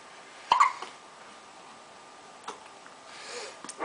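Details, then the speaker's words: Baby boy having a quick sponge bath, giving one sharp abrupt voiced hiccup and then a few faint catches in a quiet small room; infant hiccups. "having a little sponge bath quick little one little hiccups I think he actually likes it now"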